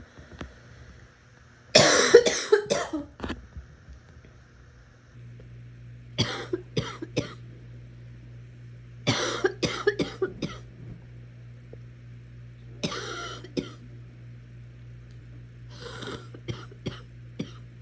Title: Netflix and coughing